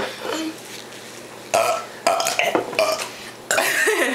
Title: burping kids